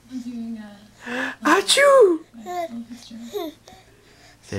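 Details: A young child sneezes, which he finds funny: voices lead into a loud, sharp sneeze-like burst, followed by more playful vocal sounds.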